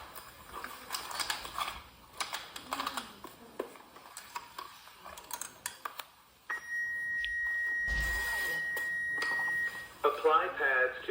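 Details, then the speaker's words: AED training demonstration on a casualty found not breathing normally: device beeps and steady tone with spoken prompts, pads applied to bare chest, "analyzing heart rhythm, do not touch the patient, stand clear, shock advised, charging, stay clear of patient." "analyzing heart rhythm do not touch the patient stand clear shock advised charging stay clear of patient"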